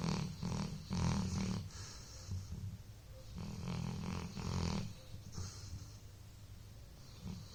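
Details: Sleeping dog snoring after a long day of play: low, rumbling snores in uneven bursts with softer breathing between them.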